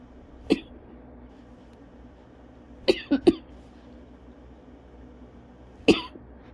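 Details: Five short, dry coughs in a quiet room, single then a run of three then single: persistent cough of cough-variant asthma, lingering weeks after bronchitis a couple of weeks earlier, coughing about every five seconds.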